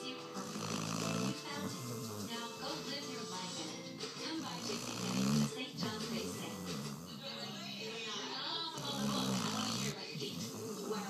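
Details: Rough, rumbling snores about 14 a minute over background music and voices; snoring.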